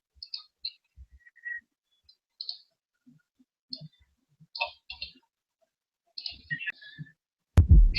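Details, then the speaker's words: Third heart sound (S3); soft low heart sounds with a faint extra low thud after S2. In young people normal; in adults suggests raised ventricular filling pressure. "se escucha claramente el tercer ruido cardíaco"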